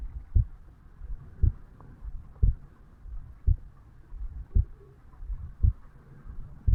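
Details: A 35-year-old male self-records his heartbeat at the mitral (bicuspid) valve area on waking in the morning: steady low thumps at about 56 beats a minute, a slow regular resting heartbeat, normal heart sounds.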